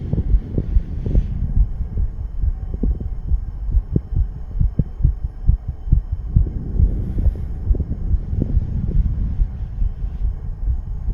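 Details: A 34-year-old male, who says he is under the influence of nicotine and "green stuff", has a heartbeat of rapid, regular low thumps at about 140 a minute over a steady low rumble. This is tachycardia.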